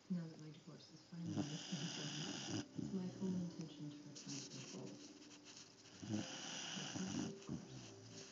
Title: Puppy snoring (Trixie Snoring Part 1)